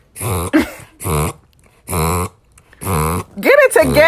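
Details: A Chavachon dog (Cavalier King Charles spaniel × bichon frise) that has done this since puppyhood makes four loud, rhythmic honking snorts in quick succession: a reverse sneezing episode.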